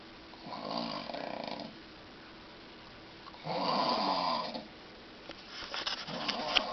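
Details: Adult woman who says she doesn't snore, recorded asleep: rough, fluttering snores, one about every two and a half seconds, with quiet pauses between them.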